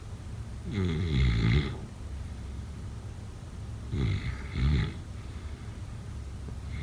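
Low vibrating snores in paired bursts over steady room hiss. Snoring during sleep.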